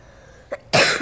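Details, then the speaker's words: A small throat sound, then one forceful cough from a child with cystic fibrosis after an airway clearance cycle with an oscillating PEP device (Acapella). "we want to do about 10 cycles of the pickle and then try to cough at the end try to hold your coughing if you can I know you can't today"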